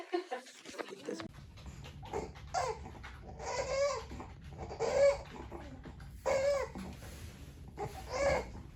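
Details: Infant boy with laryngomalacia, noisy breathing during feeding and under scoping; parent describes a very wet gargling sound with more spitting up on one formula; the infant pauses feeding to breathe.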